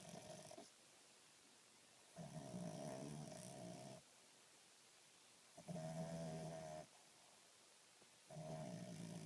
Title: Snoring dog